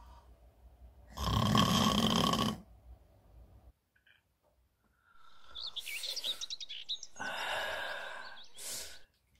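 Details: Staged comedy skit of a woman snoring in bed: a loud rough snore followed by whistling, squeaky exaggerated sounds; acted imitation of snoring, not real.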